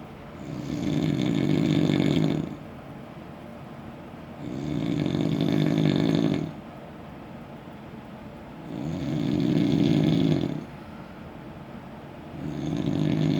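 Loud, rough snores on each breath in, about 15 breaths a minute, with quiet breathing out between them.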